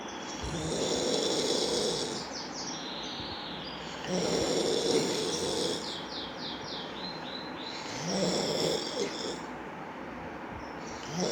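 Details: Snoring during sleep: loud, rhythmic snores about every four seconds, a harsh rasp on each in-breath with a whistling tail.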